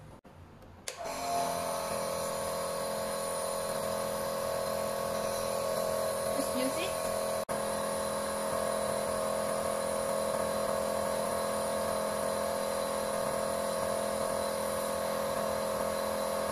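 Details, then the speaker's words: A click, then a steady electric hum with a constant buzzing tone from a medical nebulizer switched on and running continuously, nebulizing Cordyceps polysaccharide lysozyme solution. "so next we're gonna press the switch button so we can start to nebulize"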